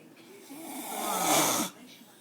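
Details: Snoring from a sleeping adult (speaker's fiancé): a single rough, rattling breath that builds and stops abruptly, one snore.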